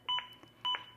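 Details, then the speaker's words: ZOLL AED Plus during CPR chest compressions: crisp two-tone electronic beeps about half a second apart, roughly 110 a minute, an adaptive metronome that monitors compressions and urges a rate of at least 100 per minute. "The beeps act as an adaptive metronome that monitors my compressions and tries to speed them up to at least 100 per minute."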